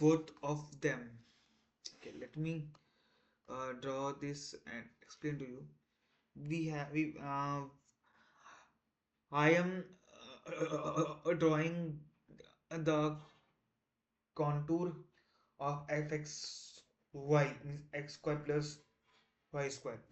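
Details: Adult man who stammers, on day 1 of a 30-day stop-stammering challenge while explaining a technical topic; repetitions and fillers audible; stuttering.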